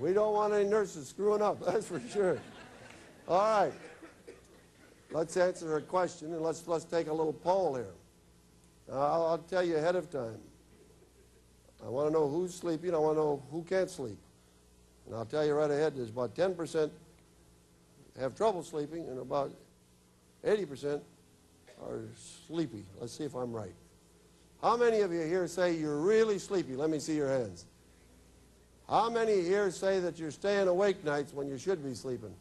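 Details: Adult male speaker addressing a group; ordinary speech.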